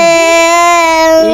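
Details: Nonverbal vocalization in a young child with cerebral palsy, diagnosed at 13 months after seizures (epilepsy) beginning at 7 days old; communicates mostly with her eyes and is developmentally still like a baby.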